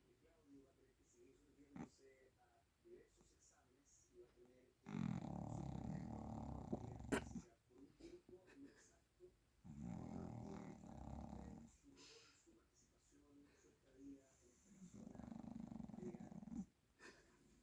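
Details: A sleeping pet dog gives three loud, rough, rumbling snores, each about two seconds long, with quiet breathing between them: dog snoring.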